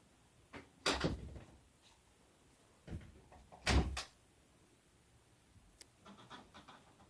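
Two sharp, explosive bursts a few seconds apart in a quiet room, each with a quick intake before it, typical of sneezes.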